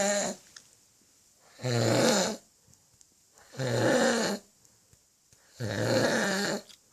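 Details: Snoring in a very drunk adult man asleep: loud, rough, rattling snores every two seconds or so, about 30 a minute, with quiet gaps between; heavy adult snoring.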